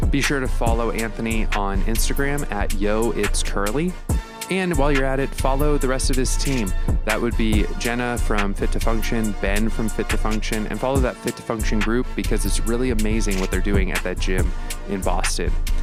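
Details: Adult male podcast host speaking over background music; normal speech.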